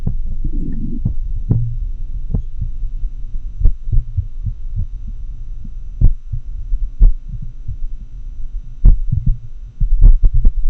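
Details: Heart sounds recorded with a homemade customized funnel-microphone setup digitized via computer sound card: muffled low thumps at unevenly spaced intervals, background hum; irregularly irregular rhythm of atrial fibrillation.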